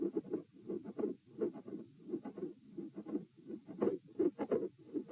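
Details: Auscultation stress test at chest position E, with recordings lying, sitting, standing, then lying again: scratchy heart sounds at about 85 beats a minute, with a midsystolic click, a midsystolic murmur and a split second heart sound.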